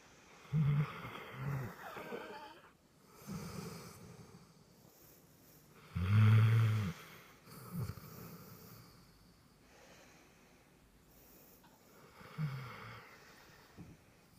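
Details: Irregular low rumbling snores and snorts with quiet gaps between breaths during sleep; snoring.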